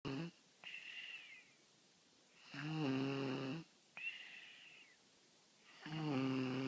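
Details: Four-year-old snoring like an old man: loud rhythmic snores, rattling and buzzing on each breath in and whistling on each breath out, about 18 breaths per minute.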